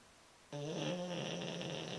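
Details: Sleeping dog whose tail twitches a couple of times, giving a single long, droning snore.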